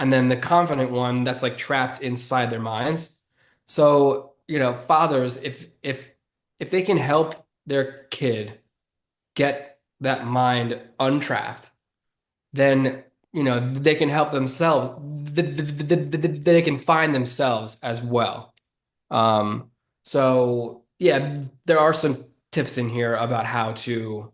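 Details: Adult man who has stuttered since childhood and was bullied for it as a child; stuttering.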